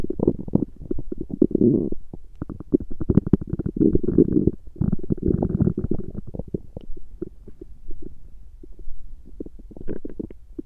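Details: A woman's stomach growling during her menstrual period: low gurgling and bubbling rumbles with clustered clicks that pause and return over ten seconds; active bowel sounds (borborygmi).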